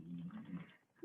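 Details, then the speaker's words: English bulldog sleeping in the background during a remote live session: a single rough, low, fluttering snore. "you can hear my dog snoring in the background. You can probably hear that too. Can you hear that?"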